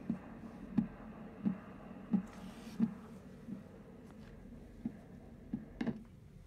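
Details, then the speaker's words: Doppler monitoring of the artery of a DIEP flap breast reconstruction after nipple-sparing mastectomy via an implanted flow-coupler device: regular rhythmic whooshing pulses about 88 a minute, heartbeat-like, indicating flow. Pulsatile arterial Doppler signal. "you should hear a sound that sounds like a heartbeat that's the correct sound"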